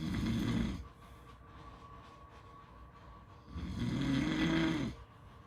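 Two loud, rough, low snores on breathing in, with a quiet gap between them; ordinary snoring.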